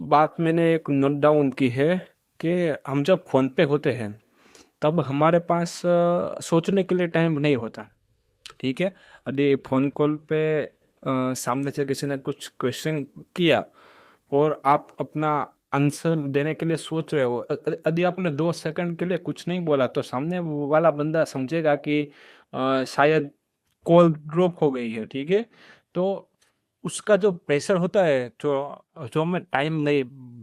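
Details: Male speaker who says he stammers; stuttering.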